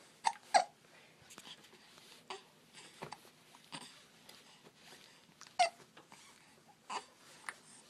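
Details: Baby boy with repeated short, sharp infant hiccups, wiggling and smiling, with soft babbling between the hiccups.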